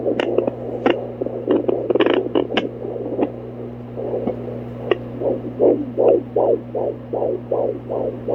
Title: Fetal Heartbeat with Doppler ❤ Almost 17 Weeks Pregnant